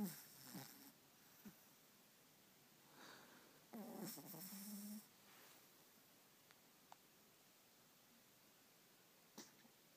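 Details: Buffy, an 11-week-old jug/pug puppy sleeping in bed, gives a few soft snuffling breaths and one louder rattling snort in a quiet room: snoring.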